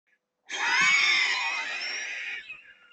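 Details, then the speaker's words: FVC test on an MIR spirometer with WinspiroPRO software: after normal breathing and a deep breath, a sudden forceful expiratory blast about two seconds long, rushing and hissing, then tailing off. "having the patient breathe normally then have them take their deep breath and do the expiratory and inspiratory maneuvers"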